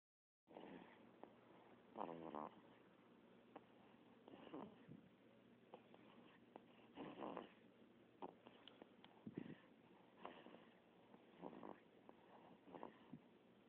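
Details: Sleeping cat snoring, said to snore just like daddy; soft, rattly snores about every two seconds: ordinary pet snoring.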